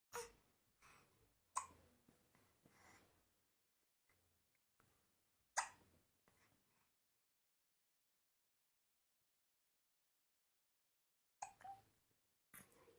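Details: A baby boy's hiccups: short, sharp, quiet catches repeating every few seconds with pauses between.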